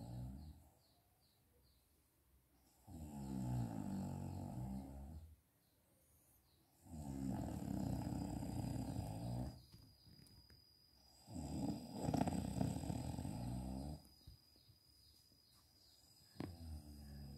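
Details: Mother napping in the daytime: deep, rattling snores on each breath in, about 15 a minute, with quiet gaps between; snoring during sleep.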